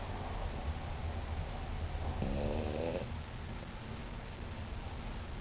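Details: Someone snoring while on vacation in the New Mexico mountains: a single short rattling snore over a steady low background hum.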